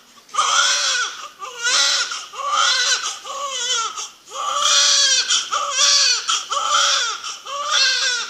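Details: Strong, high-pitched rhythmic wails, about one a second, from a newborn in a room; the couple's first child's first cry after birth.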